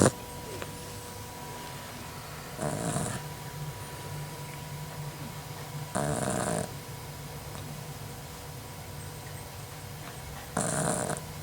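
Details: Dingo pup (female) snoring while asleep: about three rough, rattling breaths in eleven seconds, roughly sixteen a minute, over a steady room hum.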